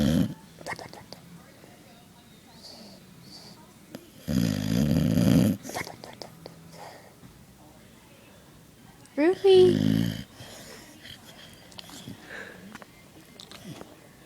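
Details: Two loud, rough snorting snores from a sleeping Boxer dog, about five seconds apart, with quiet breathing between them; snoring.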